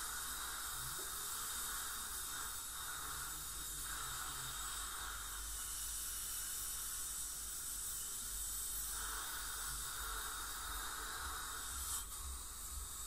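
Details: Teeth cleaning by a dental hygienist on a patient with heavy plaque and tartar, possibly scaling with gingival inflammation or full-mouth debridement: steady high hiss and spray of an ultrasonic scaler with water and suction during dental scaling.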